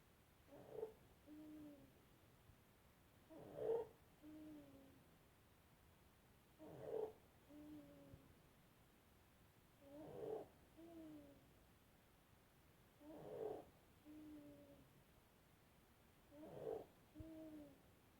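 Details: Six noisy, crowing breaths, about 19 a minute, from a 7-month-old with laryngomalacia (floppy voice box); inspiratory stridor.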